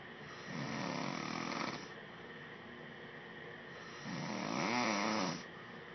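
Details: Man snoring, recorded by his wife: two rattling, fluttering snores on breathing in, with quieter breaths between, over steady room noise.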